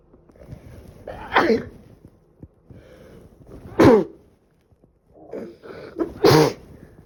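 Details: Woman with a cold, sneezing badly for about three days and now improving: three separate sneezes, each preceded by a quick drawn-in breath, with quiet pauses between.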